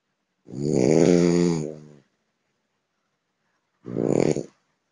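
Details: Eleven-month-old male French Bulldog, an active and playful dog, asleep and snoring: two loud, rattling snores with long pauses between them, typical flat-faced dog sleep breathing; snoring.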